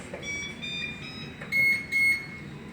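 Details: Neopuff neonatal resuscitator, powered on with its sensor cables disconnected, during a training session: repeated high electronic beeps from the device alarm signalling the disconnection.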